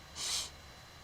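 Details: Single brief, hissing burst of air, a quick, partly stifled adult sneeze during a singing recording; sneeze.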